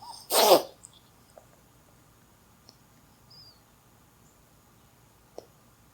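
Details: A pet rabbit sneezes while sleeping and dreaming, and passes a dropping as he sneezes; sneeze.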